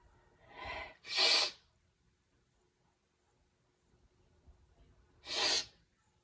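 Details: Sneezing nonstop: two sneezes, the first with a drawn-in breath before a sharp explosive burst, the second several seconds later, in a quiet room.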